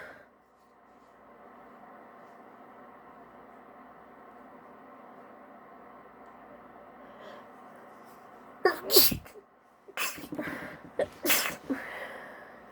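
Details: Female deliberately stifling her sneezes, producing multiples: quiet room hiss, then about four short, held-back sneezes in quick succession.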